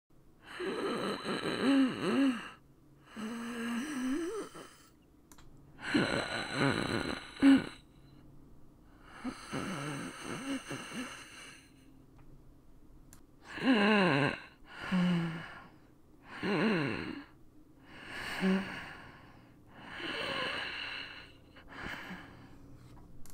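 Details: Wheezing (acted): an adult acts out labored, wheezy breaths and gasps, pretending to be dying; simulated, not a real patient.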